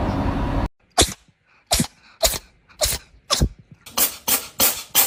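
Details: After a noisy start, a run of about eight short, sharp, explosive bursts in quick succession; a cat's repeated sneezes.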